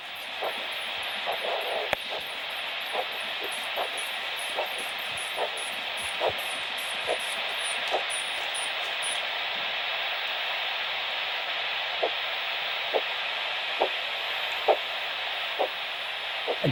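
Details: Arterial Doppler signal returning on cuff deflation to measure ankle systolic pressure for ABPI, during a varicose vein examination demonstration.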